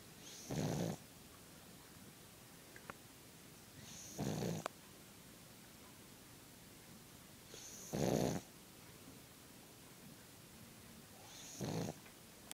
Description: My pug's snoring at loud while sleepin' lol